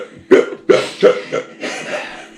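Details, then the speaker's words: Adult man hiccups while drinking beer during a beer review, after high-ABV beers: four abrupt, sharp voiced catches about a third of a second apart, then a softer breathy sound. "i'm trying to tamp down these [ __ ] hiccups but it's not happening just let him go no because i sound like an idiot"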